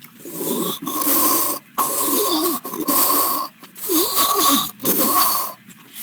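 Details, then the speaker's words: Human vocal imitation of wet, rattling tracheal rales in fighting cocks (chickens) with respiratory disease. The sound comes from fluid or mucus moving up and down the trachea as the bird tries to expel it. "sería más o menos el sonido de los estertores de sus estertores ocurren porque el líquido el lago está subiendo bajando por la tráquea"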